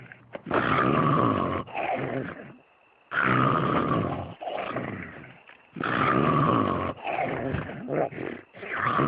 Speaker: Hey, wake up. Come on, you're snoring. Wake up.